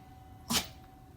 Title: Sneezing Helicopter Tail!